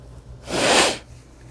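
One short, forceful burst of breathy, hissing air lasting about half a second, a single sneeze.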